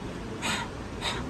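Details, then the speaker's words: Pediatric chest examination teaching: a doctor's vocal imitation (simulated) of bronchial breathing, two harsh, hollow breaths with equal inspiratory and expiratory phases separated by a pause, harsh expiration; abnormal, heard over consolidation, collapse, fibrosis or bronchiectasis. "So what happens in bronchial breath sounds? So the phase of inspiration and expiration both are in equal duration, and there is a pause between inspiration and expirations, and expiratory phase particularly will be harsh"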